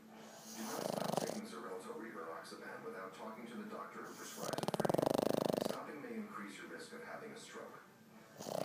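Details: Dog snoring during sleep: loud, rough, fluttering breath sounds with snorting rattles.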